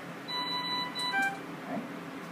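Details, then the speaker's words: Short series of electronic tones over steady room hum as a mechanical ventilator is put into standby after its quick electronic self-check, before a clean passive-humidity circuit is attached, in a teaching demonstration; ventilator standby beep. "the ventilator's in standby mode now i can get ready to do my device check before i do that i'm going to put the actual circuit on there"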